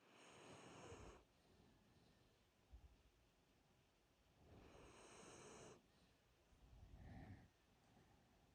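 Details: Dog snoring with eyes open during its pre-sleep routine: two long, rough, fluttering snoring breaths against quiet room noise; snoring.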